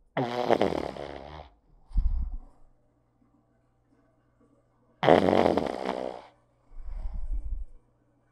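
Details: Snoring from a small pug dog asleep, recorded super close-up: two loud, rattling snores, each followed by a softer low snort on the out-breath.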